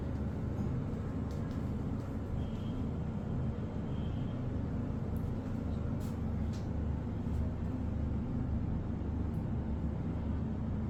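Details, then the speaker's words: Automatic digital blood pressure machine cuff inflating on a person's arm during a demonstration: steady low motor drone with faint room noise; the reading then showed 127/77 with pulse 80. "इसमें inflation अपने आप start हो जाएगी। ये जैसे कि अभी inflate हो रहा है और इसमें प्रेशर दिखा रहा है।"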